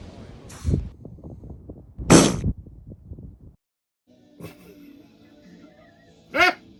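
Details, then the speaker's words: A seal sneezes twice: short, explosive sneezes with a low, sputtering, fart-like quality, heard over water and background noise. "Apparently, when seals sneeze, it sounds like they're farting."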